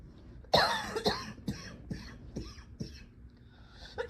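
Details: Adult's run of harsh, barking coughs with a slightly crackly, mildly wet edge; self-described as about as wet as the cough gets; barking cough.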